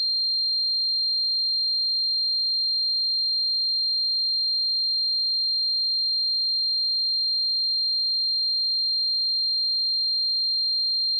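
A steady high-pitched whistle-like tone holds without change throughout; a simulation of ringing-type tinnitus.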